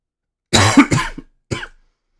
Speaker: Sorry if I'm still coughing. I've been I'm just recovering from being sick and everything for the past couple weeks.